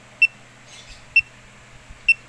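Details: Pulse oximeter on an adult man's finger, displaying a pulse rate of 65: three short high beeps about a second apart, called a very good rate; pulse oximeter pulse beep.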